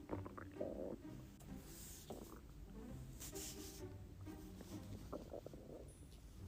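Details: Female stomach growling: several gurgling, rumbling bursts over a steady low background with faint music, from gas and fluid moving through the gut (borborygmi).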